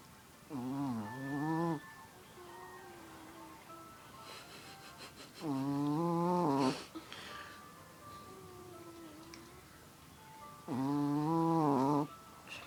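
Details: Dog snoring, with background music and talk.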